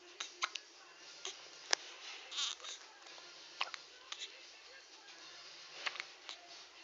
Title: A one week baby with hiccups